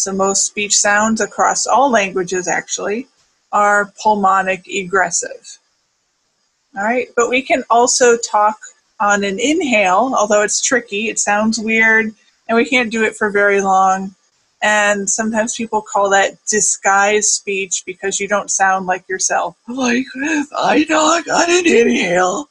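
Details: Adult speaker; ordinary speech.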